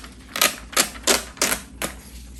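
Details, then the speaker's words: Five quick mechanical dot-printer bursts: electronic fetal monitor printing the paper record after a roughly 20-minute non-stress test recording fetal heart rate and uterine contractions in a pregnant woman. "결과를 항상 기록으로 남겨 놔야 되니까 반드시 종이를 출력을 하는 거에요"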